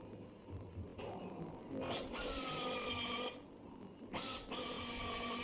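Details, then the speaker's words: Bursts of whining power-tool drive, stopping and restarting, reaming through a skin window for minimally invasive dynamic hip screw fixation of a stable intertrochanteric femur fracture; surgical reaming. "this is the video show the reaming step through the skin window"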